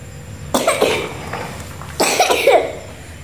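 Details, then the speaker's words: Morning home vlog in which everyone in the household has a cough: two bursts of coughing, each a few quick coughs, over low room noise. "Halo guys Selamat pagi batuk batuk-batuknya"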